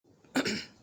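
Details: Single abrupt, forceful cough with a sharp onset and short rough tail, from a school-age child with a bad cough, taking cough syrup with little relief, and reporting intense stomach pain when coughing.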